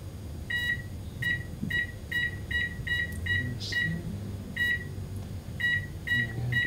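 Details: Laser surgery removing a small cyst or mole under the eye by the eyelid, done under local anaesthetic: short repeated electronic beeps in bursts over quiet room noise as the surgical laser fires.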